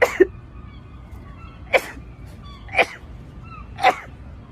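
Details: Five sharp, explosive sneezes in quick succession, roughly one a second, with faint background music; rapid sneezing.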